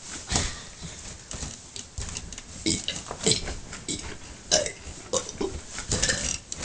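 Several throaty belches come in quick succession, mixed with clatter of dishes and cutlery in the background.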